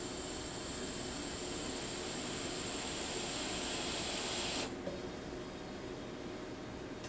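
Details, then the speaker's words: Covidien Puritan Bennett 980 mechanical ventilator pre-use short self-test, circuit resistance step after the exhalation valve test passed, with the patient Y unblocked: a steady, loud airflow hiss that cuts off abruptly. "Now it's moving on to the circuit resistance test. And you can see the time is ticking down right over there."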